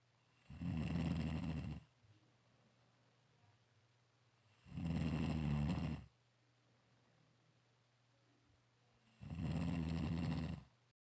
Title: Caught on camera in a dark room - snoring 😆😆😆